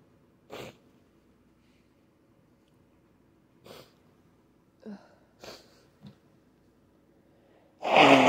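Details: Several short sneezes over a steady room hum, ending with a louder, forceful sneeze, in a sneezing fit into a handkerchief.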